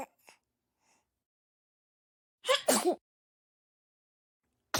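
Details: Repeated sneezing: a sharp double burst, a quick inhaled catch then an explosive sneeze, with faint smaller puffs before it.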